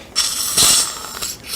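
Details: Immediate implant placement in an upper second molar socket with no sound bone under the sinus floor: sharp, hissy mechanical clicking of a ratchet wrench turning as the implant is seated slightly deeper to adjust height.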